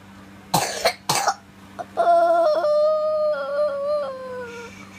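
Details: Two harsh coughs then a drawn-out, tonal crying wail from a distressed, sweating young boy who says something hurts but won't say where; cough with crying.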